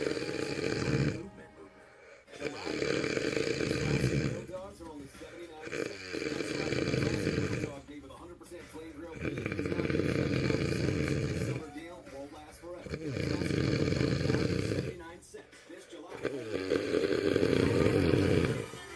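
Repeated rough, rumbling snoring breaths about every two to three seconds, with music in the background.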